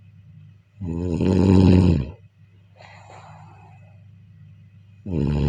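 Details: Deep, loud, buzzing snores on the in-breath during sleep, separated by a soft out-breath; heavy snoring.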